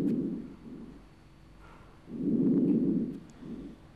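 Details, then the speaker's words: Auscultation of the back (posterior chest), starting at the upper zone, patient breathing deeply on request: soft, low rushing breath sounds with normal air entry. "penderita diminta bernapas dalam tarik napas Pak lepaskan terus kita dengarkan di sini adalah suaranya masih Sonor"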